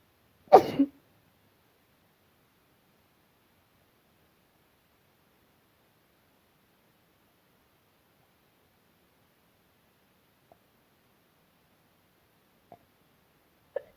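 One loud, explosive burst of air followed by silence and a few faint clicks; a sneeze.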